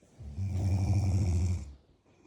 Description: Check out this video of me snoring while in ireland!